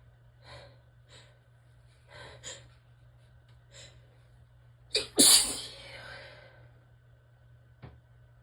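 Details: Relaxed sneezing: several soft sniffs and breaths build up to one forceful sneeze with a sharp intake before it.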